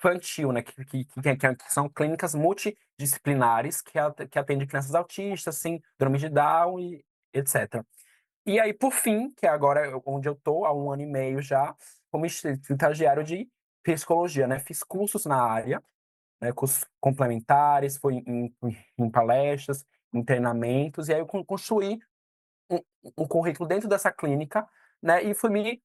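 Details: 22-year-old man who stutters; stuttering.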